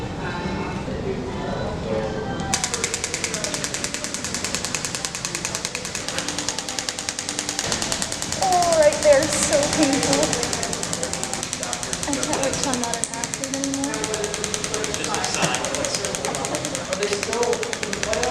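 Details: Extracorporeal shockwave therapy device applied to the heel at the first physical therapy session, two days after a PRP injection. Rapid steady mechanical tapping, about three pulses a second, over quiet talk and music; the patient finds it painful.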